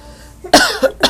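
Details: Young child imitating a cough, a deliberate "pity cough": one short voluntary cough followed by a smaller cough.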